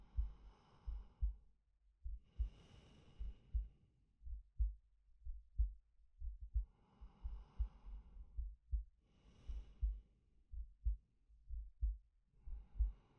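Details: Male ASMR sleep-aid recording: slow, even heartbeat at about 61 beats a minute with unhurried audible breaths layered over it; normal resting heartbeat and breathing.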